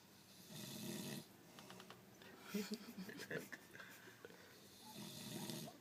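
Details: Man sleeping at locks on his birthday after partying, snoring: two low, rough snoring breaths with quieter noisy sounds between them.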